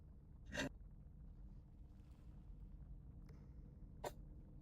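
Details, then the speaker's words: A sneeze from a streamer during a live game session, announced just beforehand. "But we need to take the outpost first. I'm going to sneeze. Hold on."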